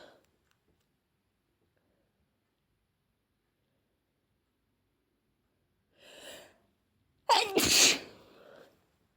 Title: Apology sneezes